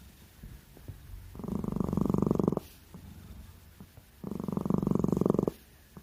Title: 고양이 코고는 소리~ cat snoring sound. #cat #고양이 #cute #고양이일상